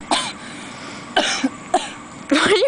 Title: cough cough